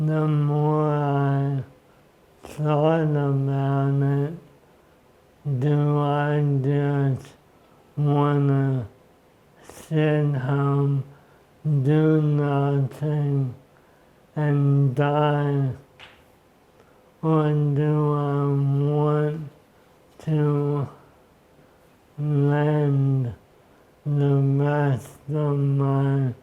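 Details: Adult male with ALS diagnosed 10 years earlier (February 2014), severely affecting his speech and upper-body movement; first participant in a brain-computer interface study; dysarthria in ALS.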